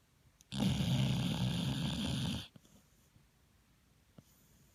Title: Hazel the pit bull snoring!